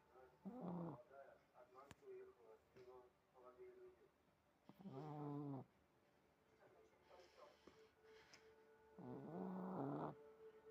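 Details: Repeated buzzy, vibrating snores a few seconds apart with softer whistly breaths between, from a sleeping dog; snoring.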